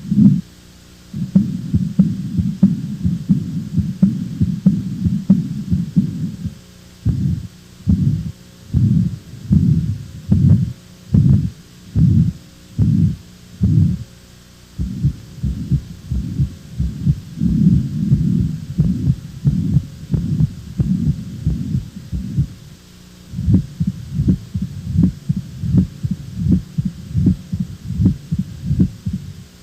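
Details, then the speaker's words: Heart murmur from a cardiac valve lesion: regular low heartbeats near 80 a minute with a rushing sound filling the gaps between beats, caused by turbulent, altered blood flow. "os sopros são vibrações decorrentes de alterações do fluxo sanguíneo viscosidade e turbilhonamento que ocorrem principalmente nas lesões valvulares"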